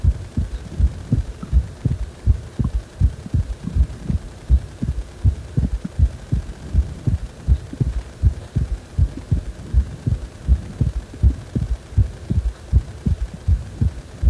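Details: Strong, regular low thumping heartbeat with paired beats at about 80 a minute, described as a heart that feels wobbly ("guragura").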